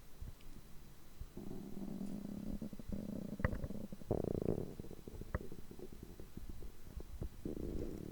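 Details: Stomach growling recorded after overeating, lasting over 3 hours on such days: drawn-out low growls with gurgles and pops from the belly; normal digestive rumbling after a large meal.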